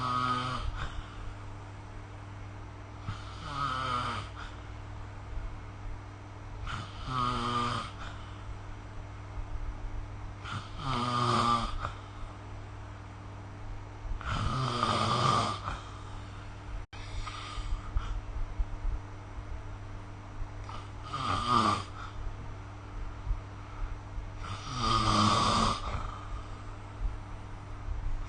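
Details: Snoring recorded during sleep with the SnoreLab app: rhythmic snoring, about 7 to 8 snores over roughly half a minute, against steady room hum.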